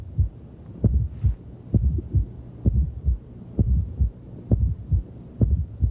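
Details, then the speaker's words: Very loud fourth heart sound heard at the fifth intercostal space midclavicular line in left lateral decubitus position: regular beats ~65/min with a dull, low extra sound just before each S1. "you'll probably never hear another fourth heart sound as loud as this which is why we recorded it"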